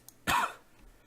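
A single short, fairly dry cough in a quiet room.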